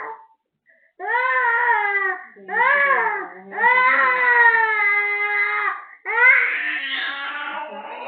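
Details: Long, loud, wailing cries in several bursts with short catches of breath from a cranky, sick infant with cough, cold, mouth ulcers, teething and fever; infant crying.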